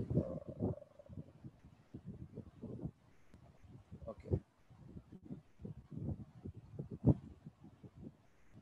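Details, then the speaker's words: Low heart sounds with a widely split second heart sound that stays the same in inspiration and expiration, wide fixed splitting in a case of atrial septal defect. "तो right side जो है वो flow आपका जब बढ़ता है inspiration और expiration में तो सेम आपका जो है वो वाइड फिक्स स्प्लिटिंग मिलती है."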